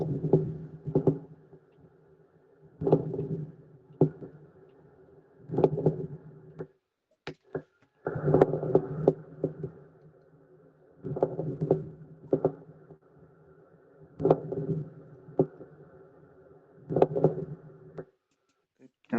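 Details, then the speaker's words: Rough, creaking, grating bursts with each breath, likened to rubbing two pieces of leather or Velcro together, played as an exam practice audio: pleural friction rub. "Imagínate en este momento que estás frotando dos placas de cuero o del Belcrom y vas a obtener este ruido."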